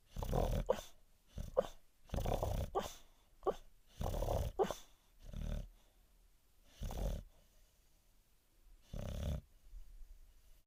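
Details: A dog snoring and dreaming in its sleep: irregular low snorting breaths mixed with soft grumbles and short muffled yips; snoring.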